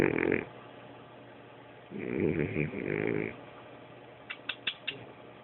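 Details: A pet cat snoring while asleep: two rough, rattling snoring breaths followed by a few soft clicks.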